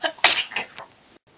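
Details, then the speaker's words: A single forceful, ordinary sneeze with a sharp hissing burst after a brief indrawn breath, induced by twisting a rolled tissue corner gently up the nose; sneezing. "hello you've just seen me sneeze I hope you folks at home have learned a valuable lesson about sneezing always have plastic underneath cuz spit goes everywhere all right"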